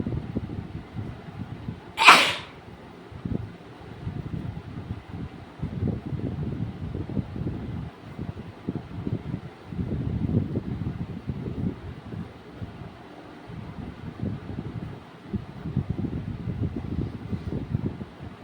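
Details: Woman in a sneezing and nose-blowing challenge: one loud, sharp sneeze followed by muffled rustling and nose-blowing into a cloth towel (gamchha); sneezing.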